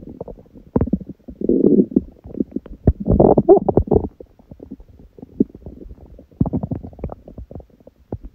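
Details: Long recording of empty-stomach hunger growling: loud bursts of low gurgling, rattling and popping rumbles and squeaks; ordinary bowel sounds (borborygmi).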